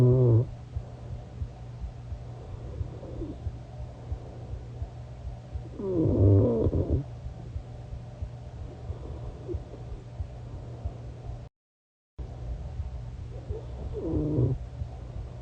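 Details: Sleeping adult recorded overnight, snoring and mumbling: irregular low, rumbling snores, roughly ten a minute, over a steady background hum; snoring.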